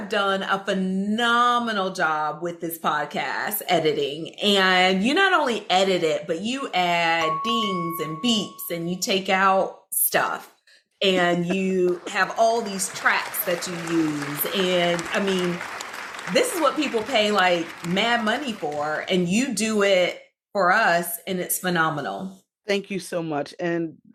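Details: Adult woman speaking; typical speech.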